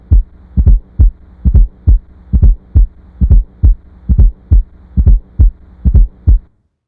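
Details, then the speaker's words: Simulated fourth heart sound (S4 gallop), an atrial gallop heard best at the cardiac apex with the stethoscope bell in late diastole: a triple rhythm with a soft extra thud just before S1. "the S4 heart sound is heard best of the cardiac Apex with the bell of the stethoscope it is heard in late diastole and is often described as an atrial Gallop Rhythm"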